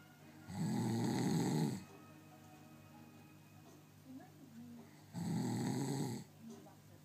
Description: snoring :-)